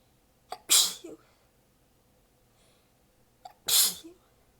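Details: Sneezing fit recorded while exhausted with sore abs, so the sneezes are partly held back; positions changed between clips. Two sneezes about three seconds apart, each with a quick in-breath and a partly stifled burst: repeated sneezing.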